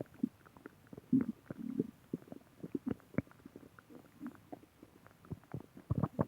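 Irregular gurgles, bubbling and squelches of a growling stomach, normal bowel sounds.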